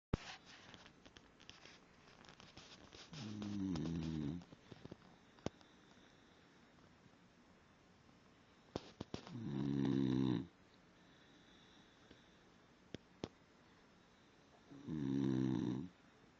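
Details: Sleeping Basenji dog snoring very loudly: three loud, low rattling breaths about six seconds apart, with quiet gaps and faint clicks between.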